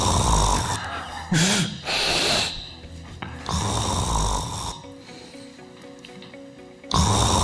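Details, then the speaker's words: Snoring recording played while an ENT doctor discusses snoring versus sleep apnea: the characteristic, regular snoring noise. "¿qué es lo que estamos escuchando? Un ronquido. Eso es el ronquido. Es el característico ruido."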